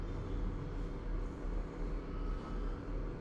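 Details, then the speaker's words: A steady, low, rough rumble made by mouth, imitating the rumbling quality of a heart murmur during a lecture on pediatric heart murmurs. "Uh, again, these I find are easiest if you start to make the sounds with your mouth. Is it blowing? Is it harsh? Is it"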